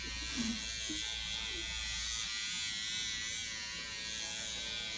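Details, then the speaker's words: Steady high-pitched electric buzz of a SkinPen microneedling pen at 1.0 mm depth on an adult dermatologist's neck, with PRP, to tighten skin, with faint room talk early on. "It's creating a hole in the skin. This is a controlled destruction. By creating a hole, the skin tightens. By tightening, the skin looks more youthful."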